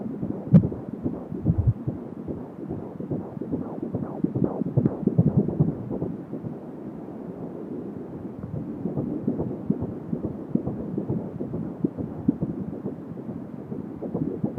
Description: Herztöne unseres Babys 16 SSW